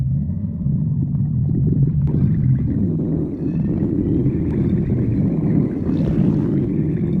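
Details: A continuous low, rumbling gurgle with faint squeaky tones throughout: stomach growling (borborygmi).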